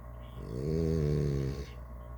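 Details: Blue snoring: one low, rumbling, voiced snore lasting about a second over quiet room noise.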